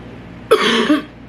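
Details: Adult with grass allergy flaring as grass was cleared near the home, also wheezing: a single short, dry cough burst.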